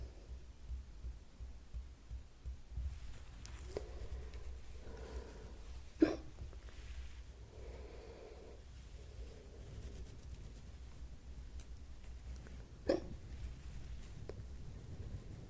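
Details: Hiccups recorded as ASMR: two sharp, abrupt hiccup sounds about seven seconds apart, between soft breaths in a quiet room.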